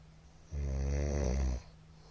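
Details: Middle-aged man snoring during sleep, recorded 13 March 2022 and described as very loud: one loud, low, rattling snore lasting about a second on an in-breath.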